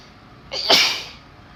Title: Birthday Sneezes 🥳